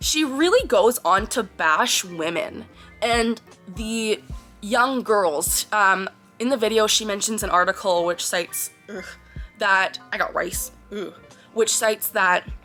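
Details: Vocal tics of Tourette syndrome in a 24-year-old woman, clinically diagnosed at age 12, with tics since early childhood; vocal tics occur during her speech.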